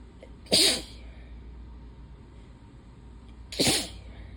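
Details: Relentless hay fever sneezing in a person who has lost their voice: two sharp, explosive sneezes a few seconds apart, part of a repeated sneezing bout (allergic rhinitis).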